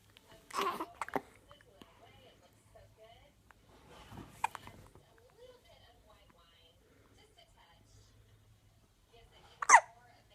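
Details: Hiccups: a few sharp, abrupt gulping catches spaced several seconds apart in a quiet room.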